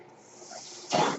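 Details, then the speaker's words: Mechanical ventilator breath sounds from the speaker's own ventilator heard during podcast speech: soft hiss of airflow, then a sudden rushing puff as a breath is delivered. "My name is. That noise you're hearing is my ventilator."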